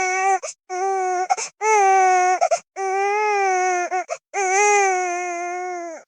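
An infant cries in loud, sustained wails separated by brief catching breaths, typical of a tantrum.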